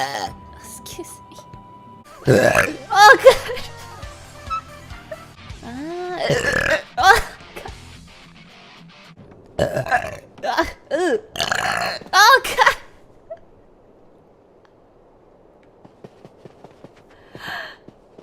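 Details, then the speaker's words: Loud, drawn-out belches from a VTuber in a burp compilation, some in quick doubles, with music and brief talk between; the burper exclaims it may be their first-ever double burp: burping. "yeah i was a double burp oh my god i can't get out of it i don't think i've ever double burped before that was insane excuse me"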